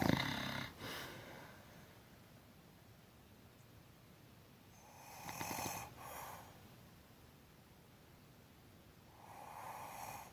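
Slow, breathy snoring breaths with a hoarse rasp, roughly every four to five seconds, against steady room noise.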